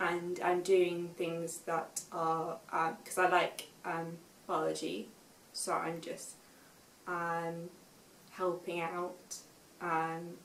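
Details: Aphasia affecting speech, reading and writing in a young woman, 5 years after a stroke at school at age 18; some words are hard for her to say.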